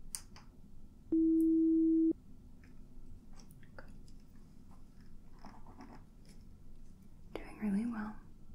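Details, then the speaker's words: Simulated audiometry role-play, high and low frequency testing: a steady pure beep lasting about a second over quiet room noise and soft handling sounds; pure-tone audiometry test tone. "very good okay so that tested the high and low frequencies that you may or may not be able to hear"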